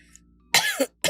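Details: Single harsh cough burst and the start of another from an unwell adult woman livestreaming while sick with a hoarse voice, not yet seen at hospital.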